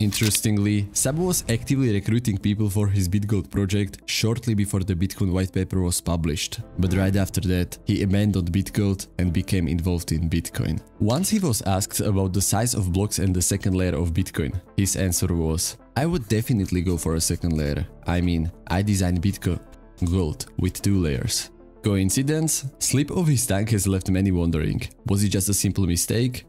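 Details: Adult male narrator; normal fluent speech.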